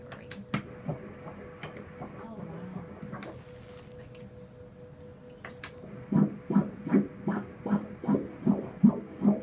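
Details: Rapid regular whooshing fetal heartbeat, about 150 beats a minute, heard during an ultrasound at 19 weeks 5 days of pregnancy, after a stretch of quiet room noise.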